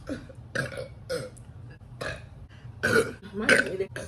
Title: Girl Burp compilation clip 5